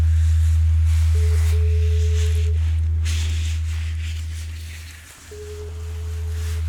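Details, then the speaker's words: Simulated ASMR hearing test roleplay through headphones: steady mid-pitched pure-tone beeps switching on and off over a deep binaural-beat hum. The listener is asked to report left or right, onset and offset. "Okay, so now I'm gonna be playing some sounds, beeps mostly, and I'm gonna be needing you to tell me whether you hear them to the left, to the right, when they start, when they stop, okay?"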